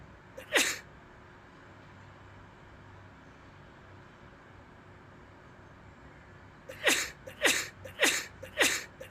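One sharp sneeze, a pause, then a rapid run of four more sneezes in close succession: repeated sneezing.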